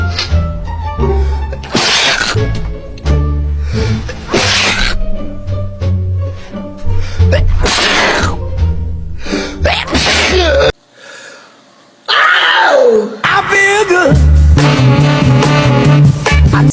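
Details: Unusual, exaggerated sneezing, apparently from a female: several sharp, explosive bursts of air in a row, partly covered by loud music and voices.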